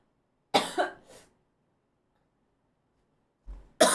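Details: Cough.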